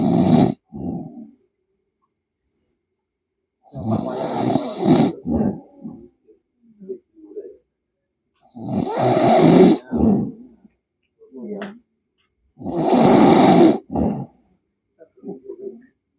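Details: Person snoring heavily during sleep, with background music: loud, rough snores every four to five seconds, about 13 a minute, with quieter snorting breaths between.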